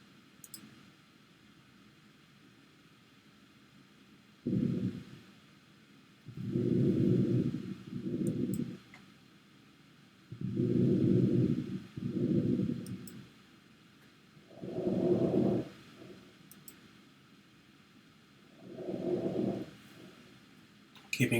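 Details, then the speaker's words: Posterior lung auscultation during a comprehensive assessment: soft, even breath sounds at about 15 breaths a minute, all posterior lung fields clear with no wheezes, rhonchi or crackles; normal breath sounds. "mind that we're listening for any wheezes bronchi crackles coarseness excellent all lung fields are clear posteriorly no wheezing"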